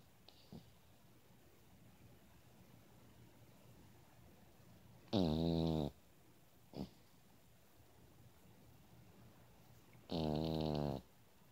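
Two loud, rattling snores about five seconds apart, each with a short snort or breath between. Snoring.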